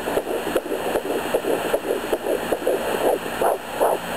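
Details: Fetal Doppler at 11 weeks of pregnancy, owner suspects twins after hearing two different heartbeats (about 162 and 150 bpm): rapid, regular whooshing pulses about 155 a minute; fetal heartbeat.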